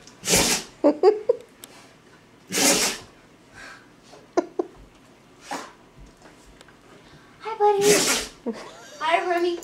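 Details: An older male, about 10 years old, having a sneezing attack. He is said to sneeze when he has had enough of another pet or needs to go outside. Several sharp, explosive sneezes in a row, with snuffling and the owner's soft voice between them.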